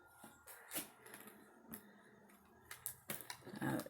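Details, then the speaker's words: A puppy with the sneezes gives several brief, sharp sneezes in a quiet room. "i'm sorry i have a puppy that has the sneezes so you may hear"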